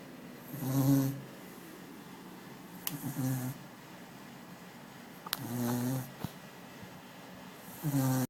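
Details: Sleeping subject gives three or four rattling, voiced snores on breathing in, a few seconds apart, with quiet breathing and faint clicks between. Ordinary snoring.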